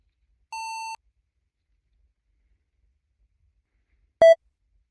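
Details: Recreated pure-tone audiometry (audiogram) test tones from a sound-booth hearing test of a person later found a cochlear implant candidate: two brief pure beeps at different pitches in silence.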